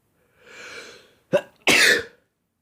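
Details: Soft inhaled breath, brief catch, then a sharp explosive burst from a male allergic to pollen; a single sneeze.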